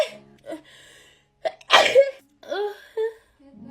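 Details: A girl sneezes during a COVID-19 nasal swab test: a quick indrawn breath, then a loud explosive sneeze with a brief voiced trailing sound, over background music and faint voices.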